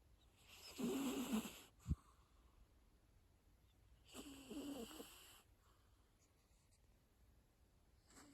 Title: Cat Snoring